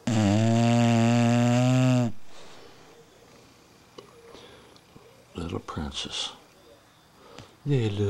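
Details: Female pet snoring during an early evening nap: loud, buzzing snore lasting about two seconds on each breath, with quieter breathing and faint room sounds between.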